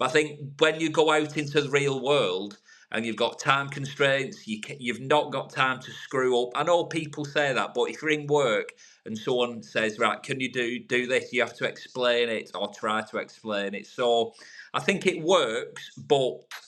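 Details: Adult man from the UK who has stuttered for over 30 years, improved over about 3 years of therapy over Skype since COVID and public speaking groups, now no longer a big issue; stuttering.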